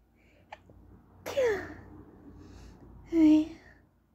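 Two short, high-pitched, stifled sneezes with a quick breath before each, in a quiet room.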